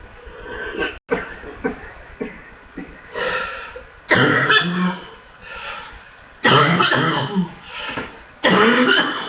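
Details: Chest congestion coughing fit: repeated harsh, rattly coughs with throat clearing, from a full chest; a chesty, congested cough.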